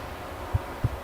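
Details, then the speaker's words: Simulated pulsatile tinnitus: two low, soft whooshing thumps in a heartbeat-like rhythm over a quiet hum, representing a sound synchronized with the heartbeat. "sounds like whooshing almost like the rhythm of a heartbeat"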